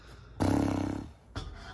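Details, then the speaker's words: Husband snoring at 1:45 a.m., waking the family in the next room: one loud, low, rattling snore of about two-thirds of a second, then a quieter breath, in a small quiet room: snoring. "我们半夜3更听到这个呼噜声，你说谁睡得着？"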